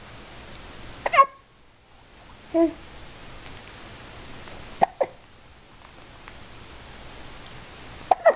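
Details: A baby with hiccups makes brief, sharp catches of breath recurring every few seconds in a quiet room; infant hiccups.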